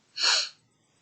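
A single sharp, hissing sneeze burst, then quiet; a sneeze from an adult with COVID-19.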